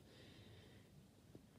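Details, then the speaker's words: A quiet, low, rumbling snore from a sleeping female cat lying in an unusual position, faint against soft room noise. "ce que vous entendez ronfler à côté c'est mon chat elle est couchée mais elle a une position qui est étonnante"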